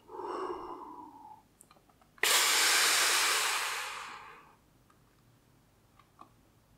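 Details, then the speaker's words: A pulmonologist demonstrates the Seretide Diskus dry powder inhaler on a demonstrator device: full exhalation, then a strong, deep, fast inhalation, a breath-hold of about 10 seconds and a slow release; correct dry powder inhaler technique. "so first of all you need to empty your lungs completely there then you put this to your mouth and breathe in deeply forcefully and hold your breath at the top for about 10 seconds if you can"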